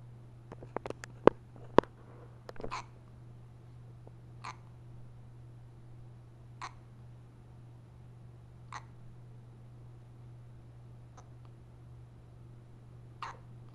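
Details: Short, sharp hiccup sounds recurring every couple of seconds over steady room hum, with a few louder clicks early on: repeated hiccups.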